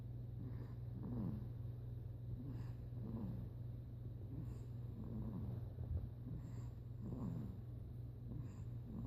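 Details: A sleeping 6-week-old puppy snoring: soft, squeaky snuffling snores that recur every second or two, over a steady low background hum.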